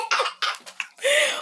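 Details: A six-year-old girl coughing while being filmed.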